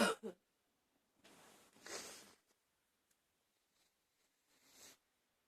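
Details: An adult with a cold, sniffling a lot: faint, soft breathy bursts of a short cough and a drawn-out huffing cough, then a later sniff.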